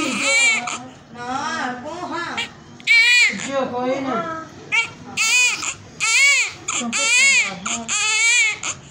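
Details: Repeated loud, high-pitched wailing cries in bursts about once a second with brief breaths between; a vigorous cry from a newborn born after normal vaginal delivery.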